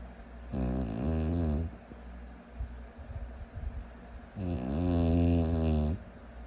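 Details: Person snoring: two long, loud, rattling snores on breathing in, separated by a quiet pause; typical snoring.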